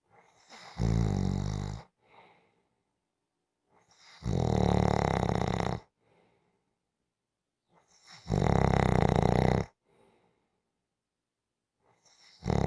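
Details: Loud, rattling snores on each breath in, about 15 per minute, with quiet breaths out between.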